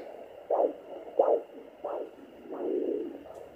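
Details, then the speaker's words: Maternal heartbeat at 10 weeks 1 day of pregnancy, heard with a home fetal Doppler probe placed on the mother's chest: rhythmic whooshing pulses at about 85 a minute, the mother's own heart, not the baby's. "i'm gonna sit this actually on my chest so that you all can hear it i already have the gel on my on my belly it's actually my heart"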